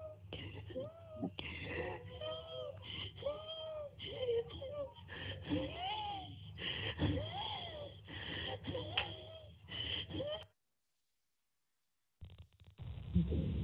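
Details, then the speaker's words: SimMan manikin in PLAB2 breathing assessment: musical, whistling wheezes through each breath, as heard in an asthmatic patient. "most probably in the exam if the patient is asmatic you will hear the sound of wheezes"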